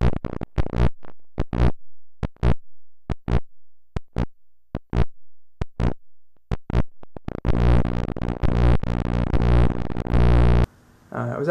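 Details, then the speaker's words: Homemade electrocardiograph with DC offset set near ground, so heartbeat signal peaks push 60 Hz noise above ground: short low electrical buzz bursts at each heartbeat peak, then music. "And if I got the offset just right, every once in a while the peaks of the heartbeat signal would push the 60 Hz noise up above ground. And I would end up with bursts of 60 Hz at the output, wherever the peaks in the heartbeat signal were. And that sounds pretty cool."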